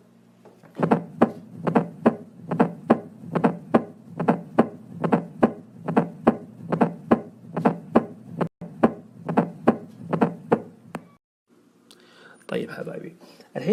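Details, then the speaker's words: S4 gallop, late diastolic sound linked to hypertensive heart failure: regular heartbeat near 71 per minute with a soft extra sound just before the first heart sound. "الارتجاع هذا مع الكمية الدم اللي موجودة بسبة الكمية اللي رجعت ويرجع يتصادم في المكان الصلب هذا، حيطلع عندي صوت الاس 4. وين اسمعها؟ حسمعها في نفس المكان بس يسمونها late diastolic."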